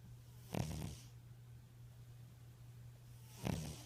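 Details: Two short, low, rattling snorts about three seconds apart from a sleeping tabby cat snoring, over a steady background hum.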